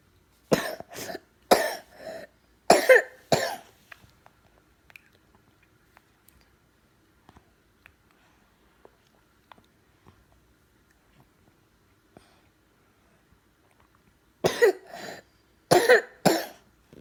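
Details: Child coughing at 2 am in two clusters of repeated harsh bursts separated by a long quiet pause; non-stop cough at night. Persistent nocturnal cough.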